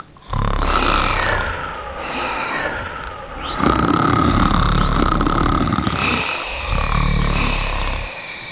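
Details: Clangen cats asleep: loud rough rumbling breaths with whistly nasal tones; snoring during sleep.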